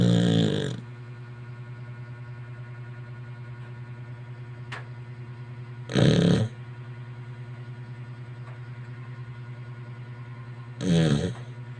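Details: Pregnant dog snoring while asleep, described as snoring loudly like a human: three loud snorting snores several seconds apart over a steady low hum.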